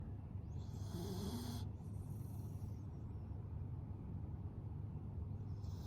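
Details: Snoring from a sleeping pet: a low, rattling snore with a hissy breath, heard over a steady low room rumble.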